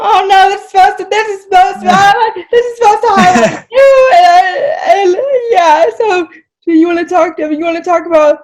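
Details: Dysarthria in an adult woman with cerebral palsy, who says talking takes a lot of effort for her.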